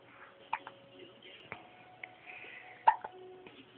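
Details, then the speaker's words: Baby girl, apparently 10 weeks old, with a small rash on her chest, has hiccups: several small, sharp hiccup sounds at irregular intervals with faint tones and voices in a quiet room. "ed you got the hiccups huh hi I"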